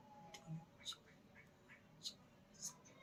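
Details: Patient with stress-related functional dysphonia (financial stress after lockdown), organic cause ruled out: functional dysphonia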